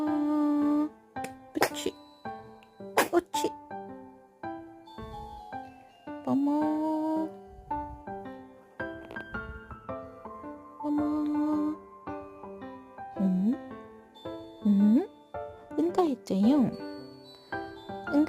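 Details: Newborn (day 16) giving a few quick, small sneezes, partly covered by loud background music.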